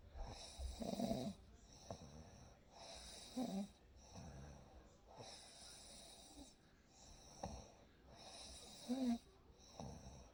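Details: Real night recording of sleep with a baby: soft, rhythmic snoring with a rough vibration on each breath in, about 17 breaths a minute, over steady room hiss; snoring.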